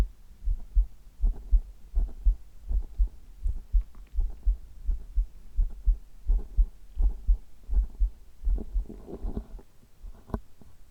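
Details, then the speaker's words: Chest heartbeat recorded for ASMR with a nipple guard on: steady, regular low thumps at about 80 beats a minute, a normal heartbeat. "今日は胸を中心とした心音を皆さんにお届けしたいと思います。"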